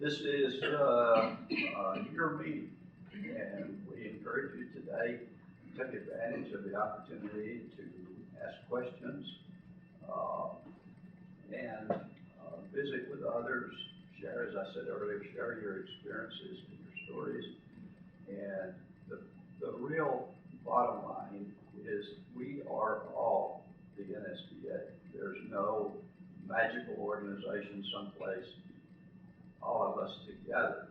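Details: Adult man with spasmodic dysphonia, who counts himself among those living with the condition, speaking in real connected speech; spasmodic dysphonia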